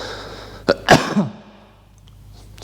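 Three short, sharp cough bursts break off his speech, with room noise in the background.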